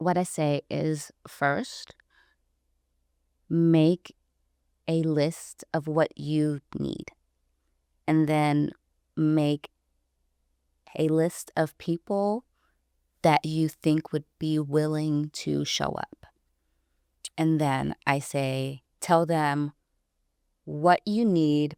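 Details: Stuttering in an adult woman who identifies herself as a person who stutters, with gaps between phrases.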